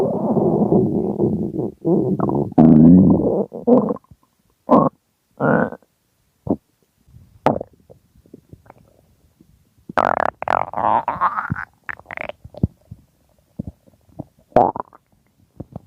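Loud gurgling and rumbling bursts from the belly with short silent gaps: hunger stomach growling, normal bowel sounds.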